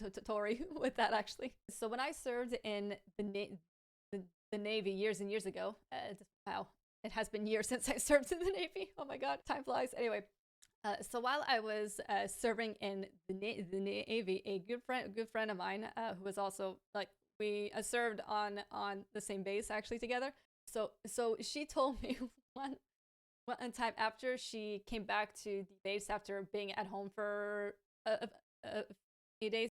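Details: Adult woman with a lifelong stammer, which she says worsens with pressure, anxiety and being rushed; stuttering.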